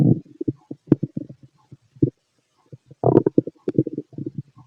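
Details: Stomach growling in a fit male: irregular low gurgles and short bubbling bursts with quiet gaps; normal bowel sounds.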